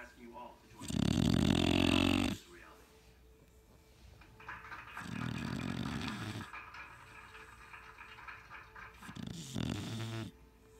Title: My Shar-Pei puppy snores louder than you